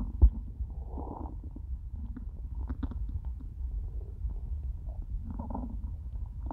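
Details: Stomach after eating nothing all day, stomach starting to hurt by end of recording: low drawn-out gurgling and rumbling; ordinary hunger growling, borborygmi.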